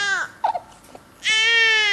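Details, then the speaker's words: An infant's cry with a sustained, clear-toned wail, presented as a tired 'owh' cry in Dunstan baby language: tired infant cry. "en dat kun je zien je kunt het horen omdat het woord voor moe is ook en de woorden die baby's gebruikers heeft natuurlijk niet zoals onze woorden niet gebaseerd op taal"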